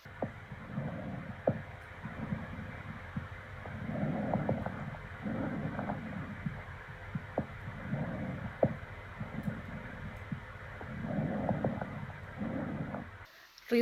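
Soft, rustling breath sounds with inhalation and exhalation of similar length: normal bronchovesicular breathing.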